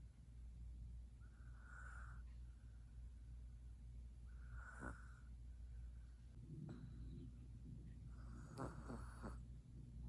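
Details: F2 Savannah cat in deep sleep, snoring and twitching: soft, rhythmic snoring with a few snorts and snuffles over a steady low room hum.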